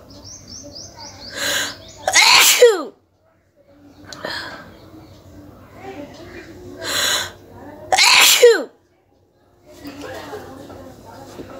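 Two sharp, explosive sneezes, each with a quick in-breath before it, plus some nose sniffing and quiet room sounds.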